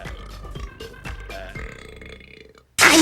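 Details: Cartoon (American Dragon: Jake Long) burp compilation: a long, drawn-out belch with music behind it, then a loud burst of noise; burping.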